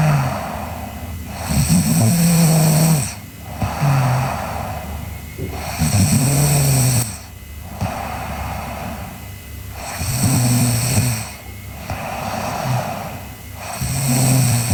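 Loud, vibrating snores on each breath in, about four breaths a minute apart, with a steady hum of room noise: snoring.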